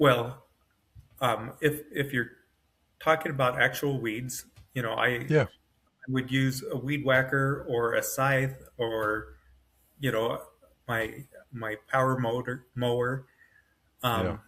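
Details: Adult man with self-rated mild to moderate aphasia after an AVM brain hemorrhage, surgery and a 10-day medically induced coma, with right-side paralysis and foot drop; brain faster than mouth, words sometimes hard to get out; aphasia.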